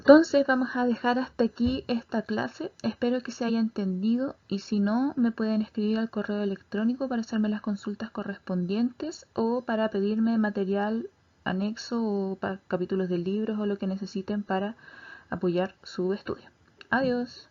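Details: Adult woman lecturer; Normal speech.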